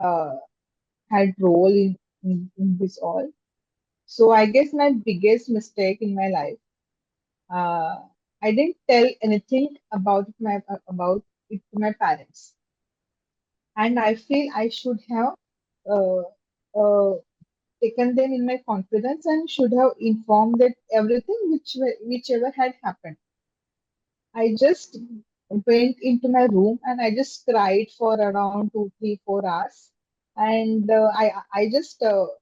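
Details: Adult woman who stammers, speaking in a podcast interview; stammering.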